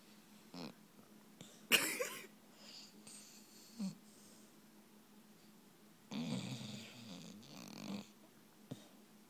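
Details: Sleeping Brittany Spaniel dog: soft, raspy snoring breaths with a faint whistle on some breaths in a quiet room; snoring.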